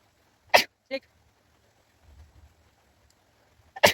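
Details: Sneezes deliberately induced with a stick in a sneezing challenge: two sharp, explosive, forceful sneezes with a short quiet gap between them.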